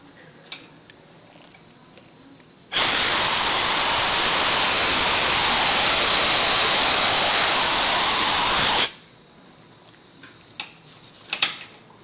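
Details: Rotary endodontic file shaping a root canal during thermomechanical root canal treatment; about six seconds of steady high-pitched motor whine, quiet room sounds before and after.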